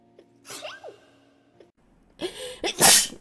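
Two sneezes in quick succession, each a sharp intake followed by an explosive burst, in a quiet room.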